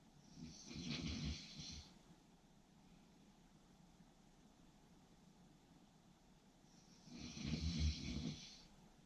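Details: Snoring during sleep: two slow, rattling snores about six seconds apart with a quiet pause between them, described as sleep-inducing to listen to.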